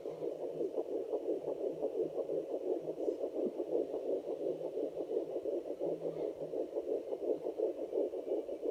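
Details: Pregnancy at 10 weeks or more, fetal Doppler: rapid, regular whooshing pulses about 170 beats per minute; fetal heartbeat.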